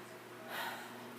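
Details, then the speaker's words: Stethoscope auscultation of the lung fields during deep breathing in a physical assessment: one soft, airy deep breath, clear and symmetric, with no crackles or wheeze. Normal breath sounds. "When I did your lung field, I didn't hear any crackles."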